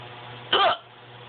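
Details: Person with hiccups lasting about 5–10 minutes: a single abrupt, brief voiced gulp over low background hum, typical of a hiccup.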